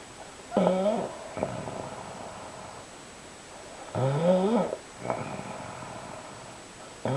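Loud, vibrating snores on the breath in, about 17 a minute, each followed by a softer breath out; quiet room.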